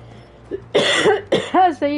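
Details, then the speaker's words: An adult livestreaming a video game coughs and says they have started coughing again: two harsh, noisy cough bursts, then a brief voiced sound, over faint game audio; a plain cough. "ça y est, j'ai encore me mettre à tousser. T'as entendu ça?"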